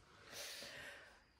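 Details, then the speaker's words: Snoring from Murphy, a sleeping dog, heard during a recorded interview: a single soft, airy breath with a faint snorting rasp, a gentle snore. "hopefully you can hear us over the snoring of Murphy here um as long asleep on the journal it's a very hard life"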